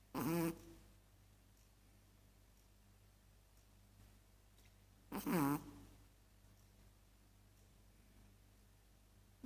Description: Chihuahua Sawing the logs .